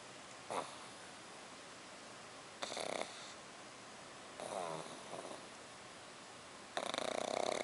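Loud, rough snoring in four separate breaths, some with a rattling, raspy quality, with quiet pauses between them.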